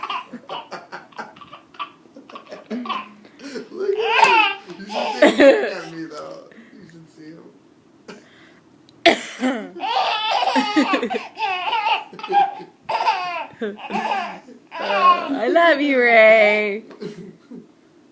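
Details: Adult (mommy) giving several short, dry coughs in quick bursts, each answered by a baby's loud, squealing hysterical laughter.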